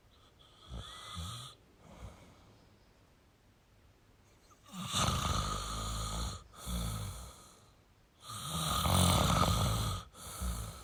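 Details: Male snoring: loud, rattling snores in repeated bursts after a quieter stretch, with a faint hiss between them.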